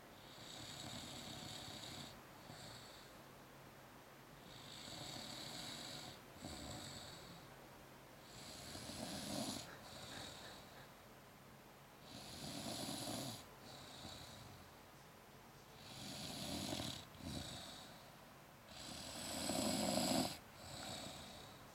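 Rhythmic rattling snores on each breath, about six in twenty seconds, with quieter gaps between. An imitation of snoring.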